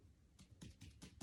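Five quick finger taps on the abdomen give a hollow, drum-like percussion note: normal tympany over gas-filled bowel.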